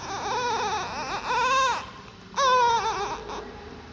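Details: Newborn baby girl just after birth: a strong, vigorous first cry, loud clear wailing in two bursts.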